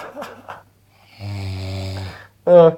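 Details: A guy snoring loudly: a loud, buzzing snore lasting about a second, with brief background talk around it.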